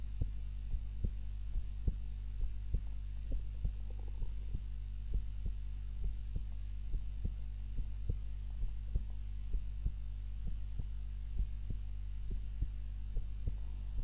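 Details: Own heartbeat recorded on a timer while napping, lying on the back (supine) rather than the usual face-down position: regular soft thumps, about 66 a minute, over a steady low hum; normal heartbeat.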